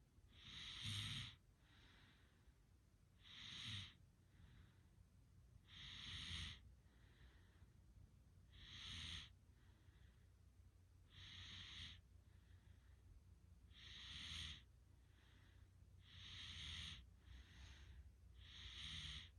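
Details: Soft, hissing snores recurring about 23 times a minute, with a quieter whistling breath between the louder ones; snoring.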